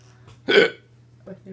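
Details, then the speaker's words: A person with hiccups after surgery gives a single sharp, abrupt hiccup over a steady low hum of room noise: hiccup. "i got hiccups and they suck but otherwise i'll as well meg yes indeed"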